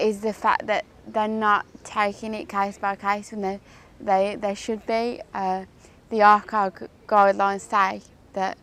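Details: Woman with cerebral palsy who says her speech is often not understood; dysarthria.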